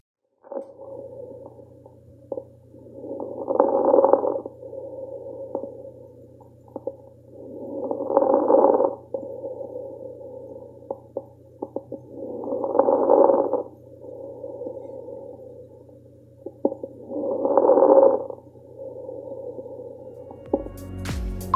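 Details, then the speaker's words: Real patient with interstitial lung disease, auscultated at the right lung base: breath sounds with many brief, fine crackling clicks; fine crackles. "ahora escucharemos un ejemplo de crujido fino obtenido de un paciente con enfermedad pulmonar intersticial en este ejemplo se ausculta en base derecha"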